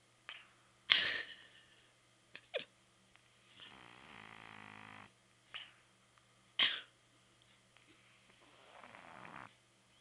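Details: Snoring from a sleeper.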